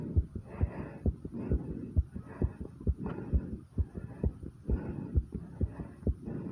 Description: I was asked to try to do a heartbeat video after 50 squats and as much as it hurt doing these this is my heartbeat as a result